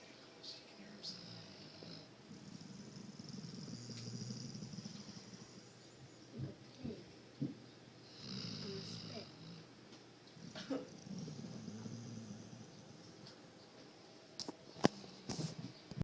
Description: My dog fell asleep on my fiancé and snored on her for several minutes. Too funny.